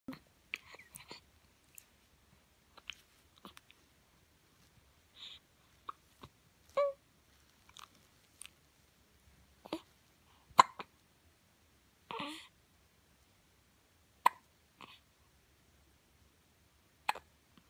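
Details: Infant hiccups, with an incidental fart also captured: short sharp catches in the breath about 16 times a minute in a quiet room.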